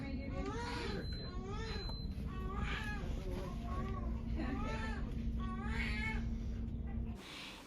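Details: Newborn girl just delivered by scheduled C-section at 39 weeks, third baby: repeated high, wavering cries in short bursts over steady room hum; a lusty, normal cry after delivery.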